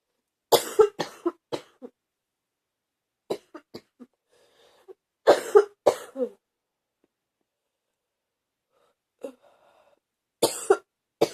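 Four bouts of harsh, repeated coughs, about sixteen coughs in all, with quiet gaps between: a persistent cough.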